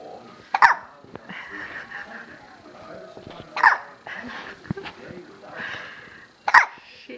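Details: Baby girl with hiccups while falling asleep: three brief, sharp hiccups about three seconds apart, with quiet talking in the background; hiccups.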